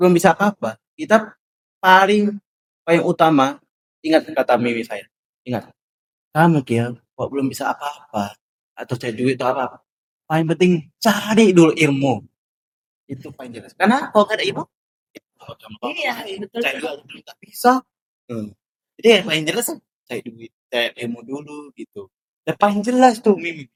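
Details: Speech of a deaf boy who uses a cochlear implant.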